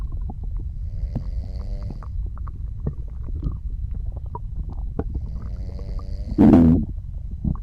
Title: Soft Snoring and Digestion Sounds